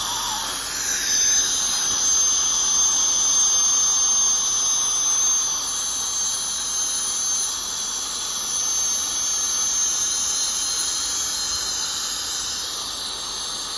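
Steady high-pitched whine and hiss of dental scaling and air-polishing instruments throughout a tooth cleaning.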